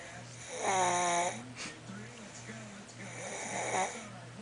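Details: Two loud, buzzing, rattly snores on breathing in with softer breathing between, in a quiet room; snoring.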